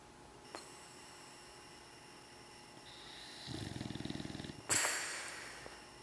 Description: English Bulldog snoring away till he wakes up with a case of cotton mouth.